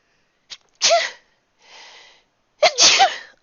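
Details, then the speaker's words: Adult streamer sneezing into an unmuted microphone: two sharp, explosive sneezes with a brief inward breath before the first and a sniff between. "sorry I did not mute my mouse my mic in time you had to hear the sneeze I'm sorry I failed you"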